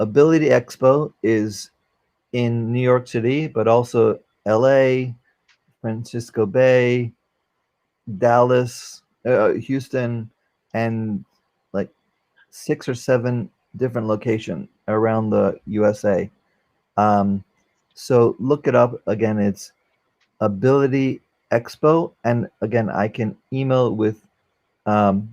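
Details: Aphasia in a 44-year-old man after a stroke during heart valve surgery, with loss of use of one arm.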